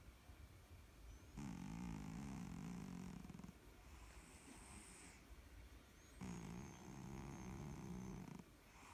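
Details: Cat fell asleep while being petted, two long rumbling snoring inhalations with quieter breathing between: snoring.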